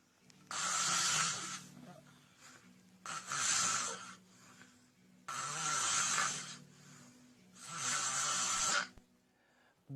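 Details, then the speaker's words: Four loud, harsh snores with quiet gaps, about 24 a minute, presented as dangerous snoring linked to choking or breathing pauses during sleep (sleep apnea) that warrants seeing a doctor. "الصوت المخيف. ارجوكم السيده اللي زوجها جنبها بينام بالليل بهذا الصوت، او الزوج اللي زوجته بتنام بهذا الصوت، هذا الصوت خطير."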